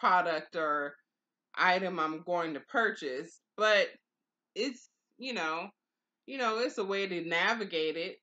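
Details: Aphasia after stroke in an adult woman, two years and four months into stroke recovery, who early on could not say the words she intended.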